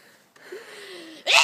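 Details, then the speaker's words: A quiet rising intake of breath, then one sudden loud explosive burst of air: a single sneeze, after an earlier sneeze. "are you going to sneeze again holly"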